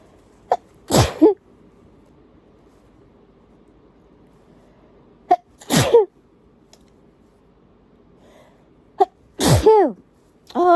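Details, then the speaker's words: Three loud, uninduced sneezes in a sneezing fit with tissues; the person reports feeling particularly itchy. Each has a sharp inward breath and a forceful voiced burst, spaced several seconds apart. "I'm definitely going to sneeze again I can feel it it's tickling I'm going to sneeze"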